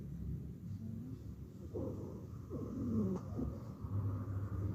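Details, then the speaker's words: Teaching auscultation recording: musical, whistling tones over breath sounds heard through a stethoscope, caused by air vibrating through narrowed airways: wheezes. "Para continuar tenemos las sibilancias."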